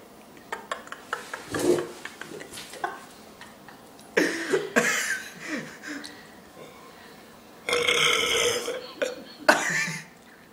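A series of loud, rough burps of varying length, some long and drawn out, in a quiet room.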